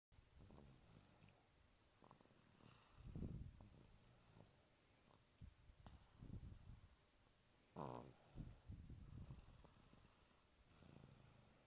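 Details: Sleeping congested toddler boy: low, rattly, irregular snoring breaths, the noisy breathing of a congested nose; snoring with nasal congestion.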